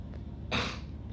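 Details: Cough forced by throat irritation the person attributes to being "zapped" for several days; right cheek and gums reported swollen and painful. A single short, harsh cough burst over a low background hum.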